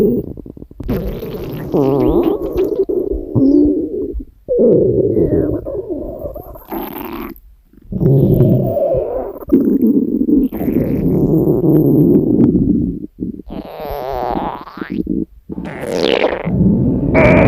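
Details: Long gurgling, rumbling and squeaky growls from a hungry woman's empty stomach: ordinary hunger borborygmi.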